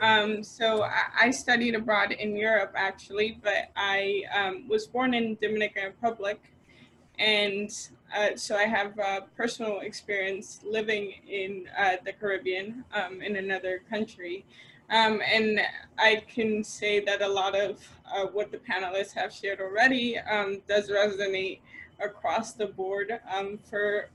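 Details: Adult woman speaking; ordinary speech.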